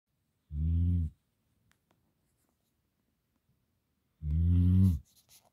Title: Snoring Gampr Dog